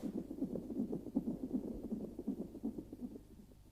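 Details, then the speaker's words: Fetal heart monitor belted to a labouring mother's abdomen, also recording contractions, in an educational demonstration: rapid, regular whooshing fetal heartbeat at about 160 beats per minute. "when we switch the machine on we will hear the baby's heartbeat and also see the tracing of the baby's heartbeat on the graph paper"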